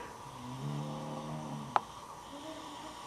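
A single low, rattling breath sound ending in a brief click, then quiet breathing; snoring.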